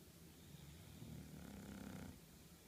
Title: Snoring Bulldogs